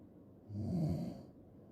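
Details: A single low, rumbling snore on an in-breath with quiet breathing before and after; snoring.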